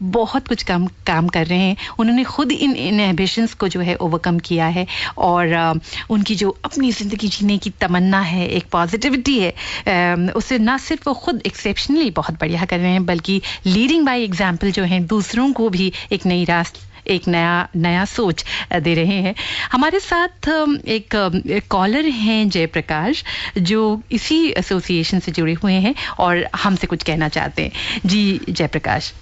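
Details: Adult woman, radio host; typical speech.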